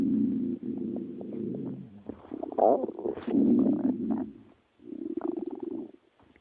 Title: Dollar's stomach growling